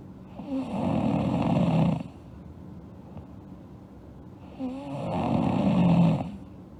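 Two long, rough snores on breathing in, with quiet breathing out between, from a sleeping adult; ordinary snoring.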